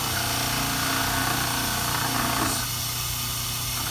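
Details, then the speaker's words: Dental model trimmer's spinning abrasive wheel grinding a stone cast for clinical remount, keeping the occlusal plane perpendicular to the disk; steady loud grinding roar easing slightly near the end. "I'm trying to keep the plane of occlusion now perpendicular to the disk as well but you have to maintain that angle just get a flat surface going"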